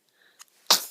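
A faint, quiet intake of breath, then one sudden explosive burst of hissy air that fades quickly: a single ordinary sneeze.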